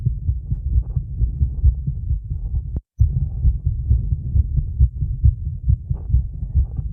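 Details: Female heartbeat recorded during a 30-second plank, recovery and breath-hold: steady, rapid low thumping with a momentary dropout partway through; normal heart sounds at a fast rate after exertion.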